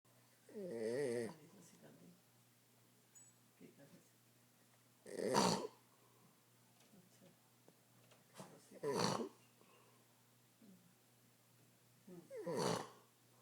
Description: Funny grandpa snoring